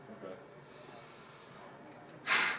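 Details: Forced exhalation into a peak flow meter; forced exhalation.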